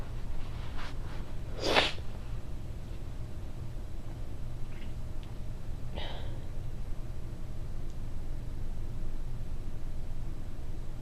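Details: One forceful, explosive sneeze, then quieter breaths and a softer sniff over low room hum.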